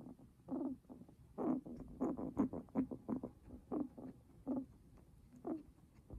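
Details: Repeated short rough, rattly noises, irregular in timing, from a guinea pig's breathing; raspy breathing.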